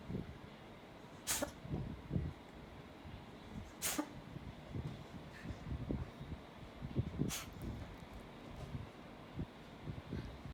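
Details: Cat sneezing fit (owner unsure if it is something else): three sharp, hissing bursts about every three seconds over low rustling and snuffling.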